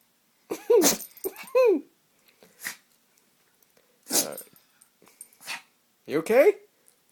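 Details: Shih Tzu dog sneeze fest: several short, snorting sneezes mixed with whines and soft vocal sounds; repeated sneezing.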